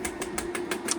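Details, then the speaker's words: Shockwave therapy handpiece (EquiSculpt VIBE) firing on a 5-year-old 16.3-hand Thoroughbred ex-racehorse in rehab, along the spine and pelvis, nearly 1,500 shocks: rapid regular clicking, about six pulses a second, over a steady mechanical hum. "I'm going to go up a little higher on the shock yeah you could hear that now if it's too intense I can go down"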